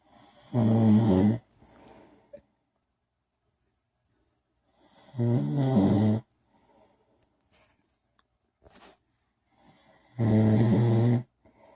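Loud, rattling snores on each in-breath, roughly every five seconds, separated by quiet pauses; typical heavy snoring.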